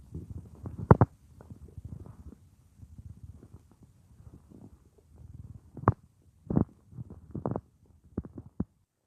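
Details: Simulated stomach-growling roleplay (F4A) of lying on a woman's stomach as she works at a computer; her own naturally loud stomach gives low gurgling rumbles with scattered sharper pops and squeaks: normal borborygmi.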